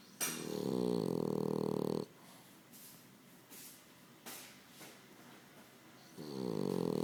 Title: Charlie (french bulldog) is snoring!!!